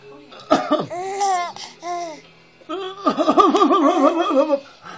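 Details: A baby girl's short coughs mixed with bright, bubbling laughter and squeals while being filmed; a playful cough with no sign of distress.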